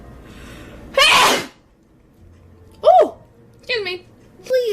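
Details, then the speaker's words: Person who can't stop sneezing, nose tickling as if fuzz is inside; one loud, explosive sneeze after a soft intake of breath, then a few short vocal sounds; sneezing. "Oh my god. I'm sorry. I cannot stop sneezing."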